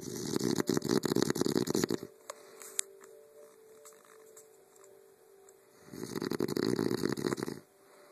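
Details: Adult man napping in bed, loud enough to hear from another room over the TV: two loud, rough, rattling snores separated by a few seconds of quiet breathing; ordinary snoring.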